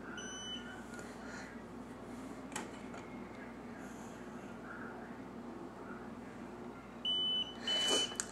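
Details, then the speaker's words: Quiet room, then short high electronic beeps from a glucose meter signalling the test strip has drawn enough blood from a fingertip during a blood sugar check. "take the strip on the very edge where there's two black sides pick one of the black sides and stick it into the blood drop and get enough blood until you hear the computer make a beep"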